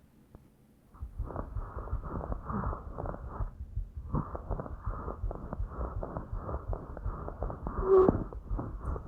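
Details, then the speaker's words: Bronchial (tubular) breathing, a blowing murmur-like sound made as air passes through consolidated lung tissue. "pasa a través de una estructura que está condensada y suena así como no como un como si fuera un soplo de acuerdo"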